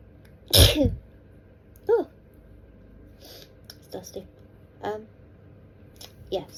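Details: One strong sneeze followed by several smaller sneezes and sniffs in quick succession from an adult, with an itchy, tickly nose from dust; sneezing fit.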